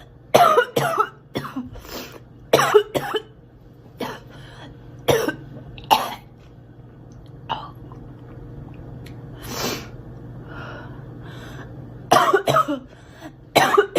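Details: Girl, acted (simulated) coughing: about a dozen short, dry cough bursts, some paired, with throat clearing between.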